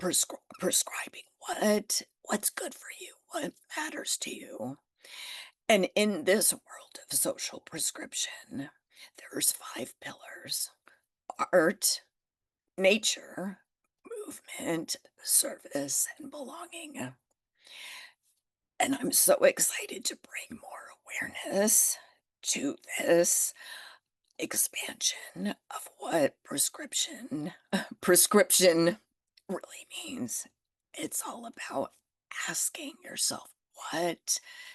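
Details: Adult woman with spasmodic dysphonia that developed after stress and illness while building her business, still audible in her voice; treating it naturally without Botox.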